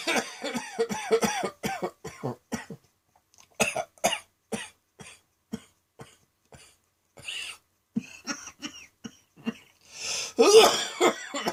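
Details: Midday coughing fit recorded on a phone after a felt throat tickle, leaving the person light-headed: a rapid run of harsh, repeated coughs with brief gasping pauses.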